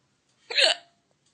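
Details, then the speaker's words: Latina woman with persistent hiccups that nothing stops and that worsen when she laughs: a single abrupt, high-pitched voiced hiccup with a sharp onset and a quick falling tail, in a quiet room. "Ay, David, ya no se me quita con nada."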